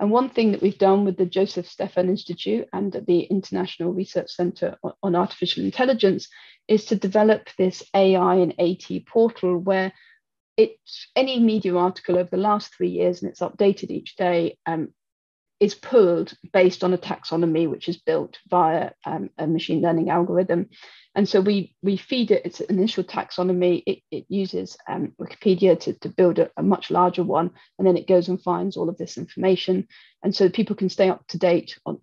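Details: Adult woman speaking; normal fluent speech.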